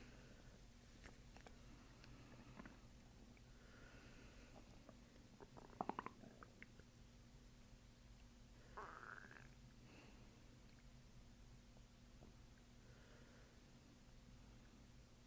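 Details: Quiet low hum with a few brief high-pitched gut squeaks and gurgles from the abdomen during chiropractic abdominal treatment; ordinary bowel sounds (borborygmi).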